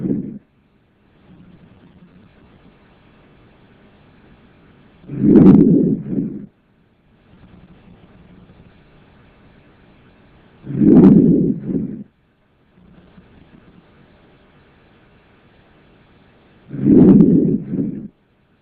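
Three slow breath cycles by stethoscope, soft airflow rising to louder rushing phases, about 11 a minute; normal lung sounds.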